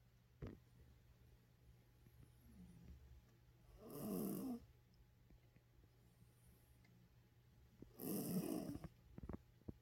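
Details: Sleeping pet dog snoring: two loud, rattling snores about four seconds apart in a quiet room, with soft breathing between.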